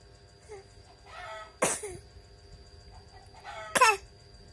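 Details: Young boy practising coughing: two short, deliberate coughs a couple of seconds apart, each with a small voiced lead-in; voluntary cough.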